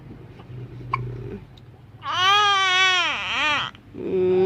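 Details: Infant crying: a sustained, high, wavering wail dipping downward at the end, then a second cry beginning; infant cry.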